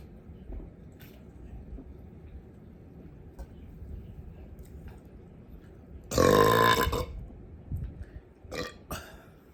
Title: Burping for my burp lovers